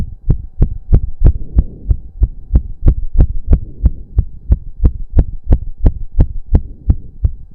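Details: Male's very fast, pounding, regular heartbeat at about 180 a minute during a 15-minute intense cardio workout, with heavy breathing and a steady background hum; reported close to 200 bpm; sinus tachycardia after exercise.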